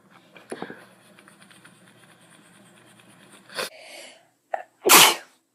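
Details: Girl sneezing: quiet breathing, a short catch, then a single loud, explosive ordinary sneeze.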